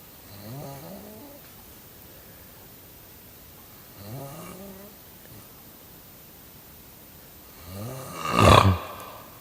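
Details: Three low, buzzing snores spaced about four seconds apart, roughly 16 breaths a minute, the last ending in a louder snort. Snoring.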